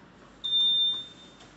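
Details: Anesthesia machine switched on during a machine-preparation training session at a hospital: a single high-pitched electronic beep lasting about half a second, its normal start-up tone.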